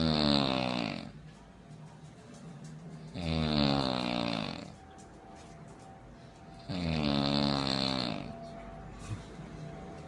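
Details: Three loud, vibrating snores on in-breaths, roughly 18 a minute, with quiet breathing and a faint hum between; snoring.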